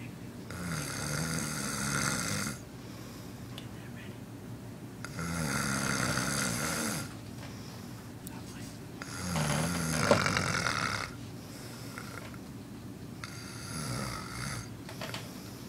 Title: This is my bro snoring again